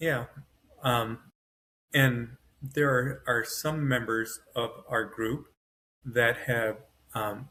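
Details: Male stroke survivor with post-stroke aphasia, severe on waking from a coma, now self-rated moderate to mild; full cognition but struggles to get words out. Finding: aphasia.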